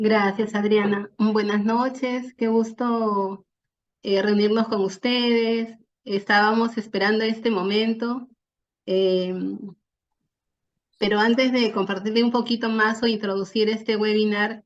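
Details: Adult woman speaking Spanish; normal speech.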